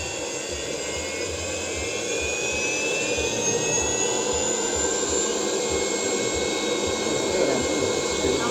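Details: Surgical suction aspirator under foot-pedal control, for removing fluids, tissue and gases during surgery: steady loud hissing roar with a faint rising whine, aspirator running.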